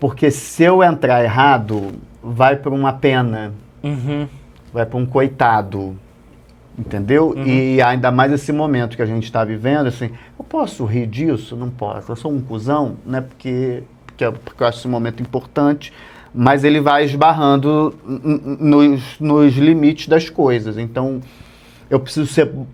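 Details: Stuttering since childhood in an adult male comedian; it runs in his family, and he stutters at some times and not at others.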